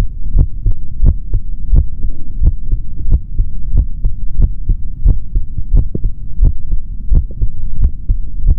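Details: Normal heart sounds of a male, heard through a stethoscope in an ASMR recording with no talking: regular lub-dub at roughly 90 beats a minute with a low background hum.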